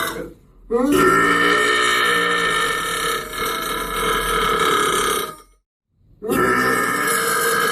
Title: burping meme part 2